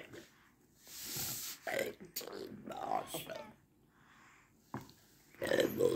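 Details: Adult man's esophageal speech, speech therapy begun April 2019 at a hospital; esophageal speech.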